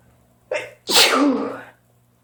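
A short in-breath followed by one loud, explosive sneeze in a quiet room.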